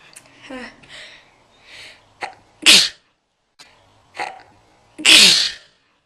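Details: Adult's sneeze recorded in slow motion at a range of speeds after something stinging the nose: soft inward breaths build to two loud, hissing sneezes, slowed and stretched in places; sneeze.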